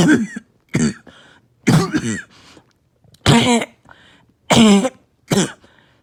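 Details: Barking cough from a patient with less chest pain than usual and on strong medication: six harsh coughs in quick succession with brief gaps; a rough, loud, uncontrolled barking cough.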